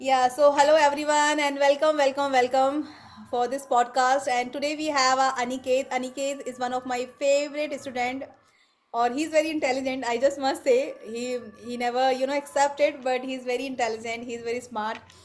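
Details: Adult female speaker; normal speech.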